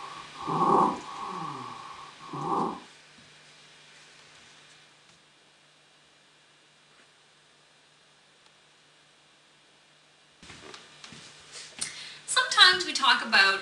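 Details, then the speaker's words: Pediatric nursing example of stridor: harsh, high-pitched whistling breaths with quiet gaps between them, from a narrowed upper airway. "Strider is a high-pitched noise that indicates a narrowing of the upper Airway it's usually caused by edema inflammation or obstruction and can be heard on inspiration or expiration"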